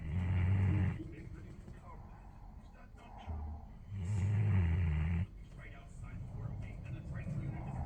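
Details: Sleeping Alabai (Central Asian Shepherd) dog: loud, deep rattling snores with quieter breaths between, about two cycles in eight seconds; dog snoring.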